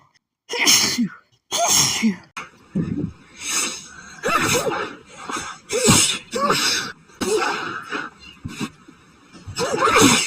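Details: Rapid, hitchy sneezing fit triggered by perfume in a woman recently sneezing at nearly every scent: about ten sharp, explosive sneezes in quick succession with catching breaths between.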